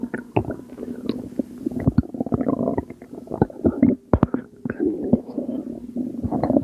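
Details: Postpartum woman making belly sounds she attributes to postpartum water weight, recorded at 2am: irregular gurgling and squelching abdominal rumbles of fluid moving through the gut; bowel sounds.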